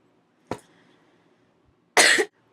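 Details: Person who is a little sick, vlogging about Robitussin: a single short, sharp cough, followed a moment later by a brief burst of speech, in a quiet room.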